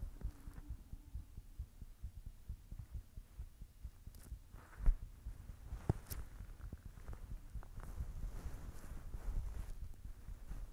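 Soft low thumps of a heartbeat under faint rumbling noise, with a couple of louder knocks; an ordinary heartbeat.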